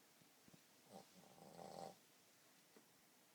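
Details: Boston Terrier snoring while asleep: a quiet room, then one rough, rattling snore lasting about a second on an in-breath.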